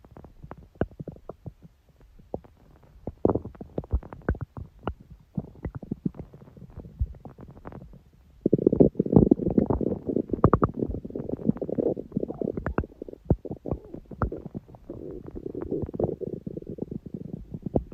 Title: Stomach growl. Long